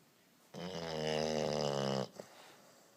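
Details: Tired bulldog snoring: one loud, rumbling, vibrating breath lasting about a second and a half, then a brief snort; snoring in a flat-faced dog.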